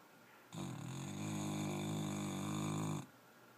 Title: Gracey snuggling and snoring